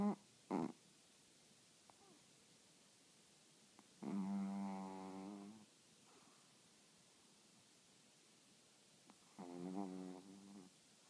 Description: sleeping and snoring